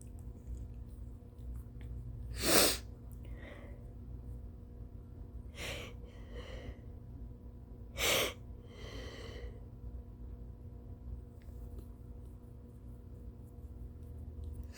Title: Late-morning sneezes and coughs, w/ snotty nose blows P.S.- I'm soooo tired...🥱😴🤧😫